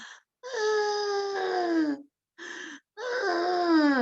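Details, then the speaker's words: Imitated high, musical whistling on breathing out, drifting lower in pitch, demonstrating the usually expiratory wheeze of asthma; imitated expiratory wheeze. "and with asthma the big signs and symptoms i can't breathe and i am wheezing wheezing is musical"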